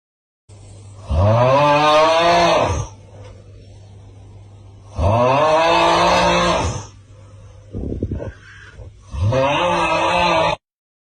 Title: How my dad snores when he sleeps